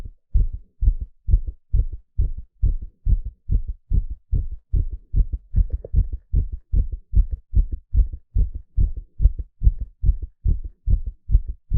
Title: ECG stress test with live heartbeat sound